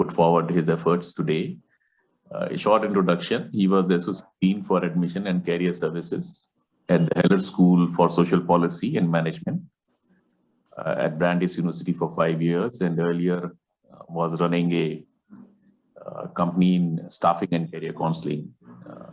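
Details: Adult male host; Normal speech.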